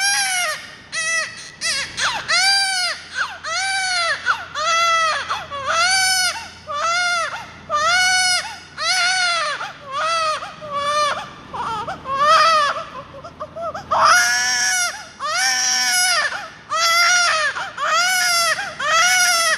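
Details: Newborn baby crying: repeated high-pitched wails in rhythmic bursts, about 19 cries a minute, sustained and intense.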